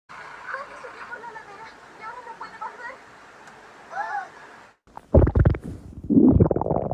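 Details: Stomach growling: faint squeaky, gurgling tones rising and falling, then louder rumbling bursts with some handling noise (borborygmi).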